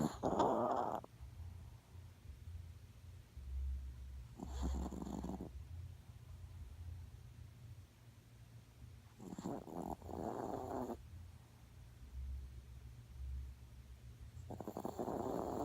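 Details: Five-year-old Yorkshire Terrier snoring: loud, rough snores on breathing in, about one every five seconds (roughly 12 breaths a minute), with quiet pauses between; heavy snoring.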